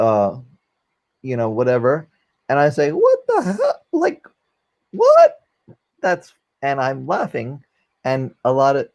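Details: Aphasia after a stroke during valve surgery in a 44-year-old man, a former paramedic, now unable to use one arm; difficulty communicating; finding: aphasia.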